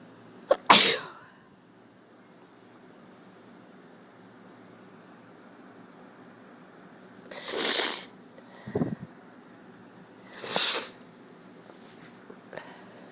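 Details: A person with a cold sneezing: three separate explosive sneezes, each a sharp hissing burst, in a quiet room; ordinary sneezing.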